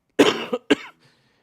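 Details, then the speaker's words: Adult with a bacterial sinus infection, sore throat and hoarse voice, on antibiotics and recovering, coughs a little as it's still pushing stuff up; cough. "but I still am every so often and you'll hear me cough a little bit cuz it's still pushing stuff up"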